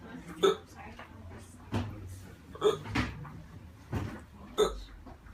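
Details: Hiccups on day 8 of constant hiccups in a man: sharp, abrupt catching sounds about every second or two; he later went to hospital when breathing became difficult.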